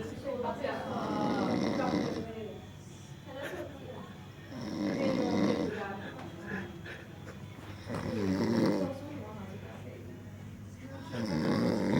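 Loud, rattling snores on each breath in, about 18 a minute, with quieter breaths out between them.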